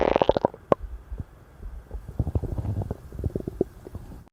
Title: stomach growling super loud and crazily